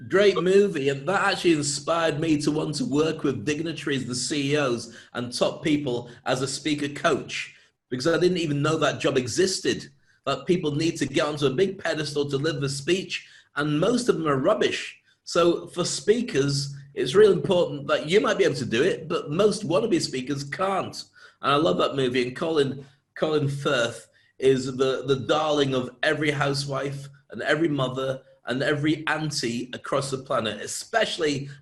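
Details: Adult male speaker; normal speech.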